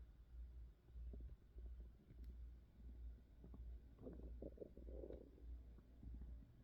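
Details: Adult woman's hunger-related stomach growling recorded for ASMR: low, irregular gurgling and rumbling with bubbly bursts over a steady low hum (borborygmi).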